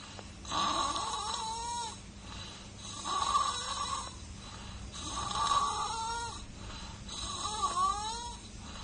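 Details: Infant snoring in a regular rhythm, with a rough rattling sound on each breath in, about 27 breaths a minute.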